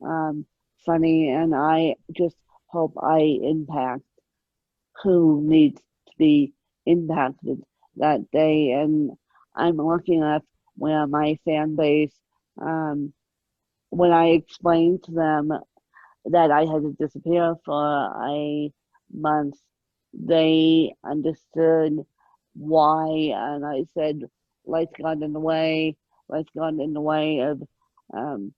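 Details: Adult woman with moderate, mid-spectrum ataxic cerebral palsy present since birth, caused by lack of oxygen at birth, needing 24-hour care; ataxic dysarthria (cerebral palsy).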